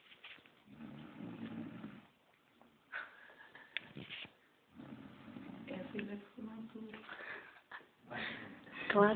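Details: Dog with slow, rough, rumbling breaths in long drawn-out bursts with quiet pauses and faint room noise: snoring.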